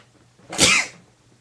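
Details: An adult gives a single sharp, hissing sneeze that bursts out abruptly and fades within half a second.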